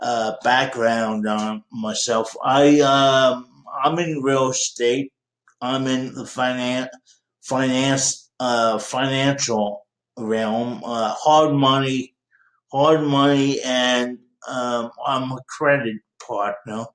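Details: Dysarthria in a 51-year-old man with cerebral palsy since birth.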